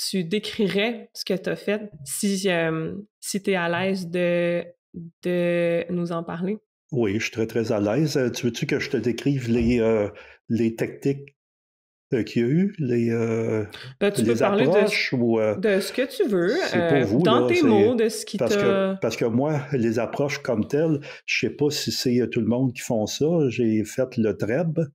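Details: Stuttering in a 64-year-old recently retired adult who decided to change his relationship with stuttering after retirement; speaking French.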